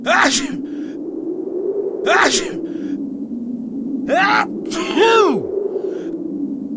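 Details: Simulated sneezing: a person acts out four sneezes in a row, each a sharp burst with a voiced cry, over steady room hum; an imitation of repeated sneezing.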